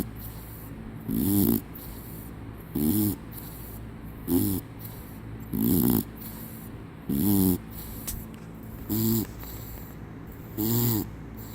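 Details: Rhythmic, rumbling snores from a sleeping dog, about 7 in 11 seconds (roughly 39 a minute), while another dog refuses to lie down; ordinary snoring.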